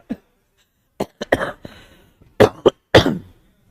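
An adult gives several short, sharp coughs mixed with throat-clearing sounds in a small room.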